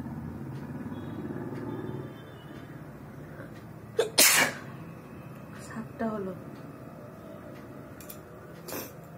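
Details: Sneezing challenge with provoked sneezes, eyes watering: a forceful sneeze with a short intake before it, then a softer one, over room noise.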